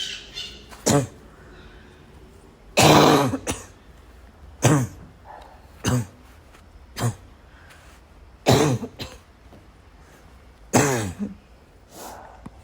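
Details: Coughing fit: an adult gives repeated harsh, barking coughs mixed with throat clearing, about eight bursts in thirteen seconds; barking cough.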